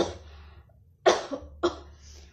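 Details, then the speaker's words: Nursing student's simulated demonstration of cough etiquette, step three: two short, deliberate coughs muffled into the inner sleeve of one arm, then the other, after a trailing breath. Voluntary cough. "Jika yang satunya sudah, kita lakukan yang satunya lagi jika ingin batuk ya teman-teman."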